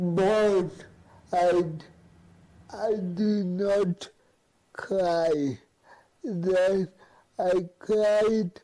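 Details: Male who has lived with cerebral palsy; dysarthric speech in cerebral palsy.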